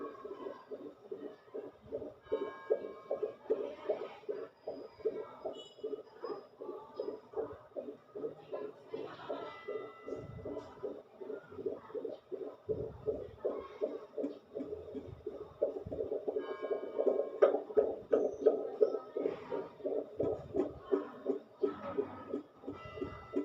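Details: Fetal heartbeat monitored with a fetal Doppler: fast, regular whooshing pulses at about 170 per minute.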